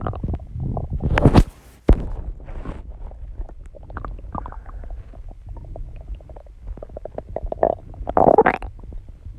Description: Hi guys I am back so today I uploaded another new video where I posted my heartbeat and heavy breathing after doing some exercises and calming down and my stomach been growling so I also wanted to include my stomach sounds too